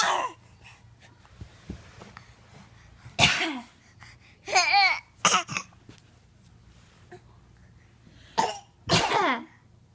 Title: Fake coughing